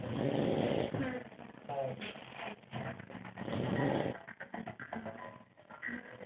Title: Old man snoring